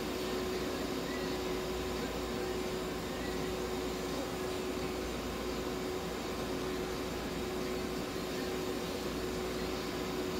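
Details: Veterinary ICU incubator running during a budgerigar's treatment, providing warming, humidification and oxygen therapy.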